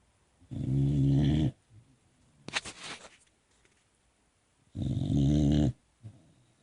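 Loud, low, buzzing snores about a second long, with a snuffling breath between them; puppy snoring in sleep.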